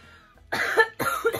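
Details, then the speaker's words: Two short, harsh breathy bursts with a faint whistling edge from an adult woman, an asthma wheeze she attributes to her asthma kicking in. "did you hear that it's my wheeze it's just my asthma she's my asthma kicking in coming to play just my asthma"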